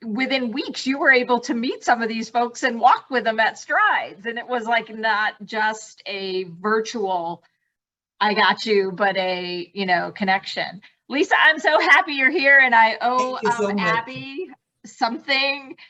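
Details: Adult woman speaking; no speech disorder.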